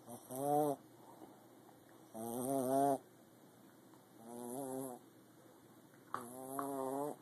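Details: Light snoring: soft, buzzing snores in a steady rhythm, about 27 a minute, with quiet pauses between them.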